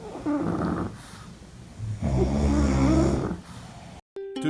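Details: Sleeping dogs snoring "in stereo": two loud, buzzing snores, one short and one longer, with faint music at the end.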